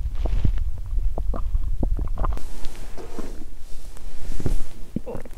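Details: Loud gurgling and rumbling with bubbly pops from the belly of a slim person after exercising on an empty stomach; loud hunger bowel sounds (borborygmi).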